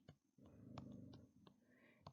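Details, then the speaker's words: Female dog asleep in the room snoring: a low, rumbling, fluttering breath sound lasting about a second, then fading, over faint room noise. "apologize if you can hear my dog snoring"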